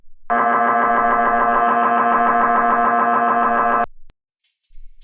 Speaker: Once you are in the scanner, you will hear a series of very loud sounds. These noises are completely normal and will exceed 90 decibels. It will sound like this.